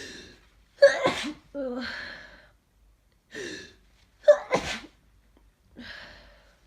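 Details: Two congested sneezes during a head cold, felt as forceful and scratchy on the throat: each has a sharp inward gasp before it and a snuffly nasal exhale after.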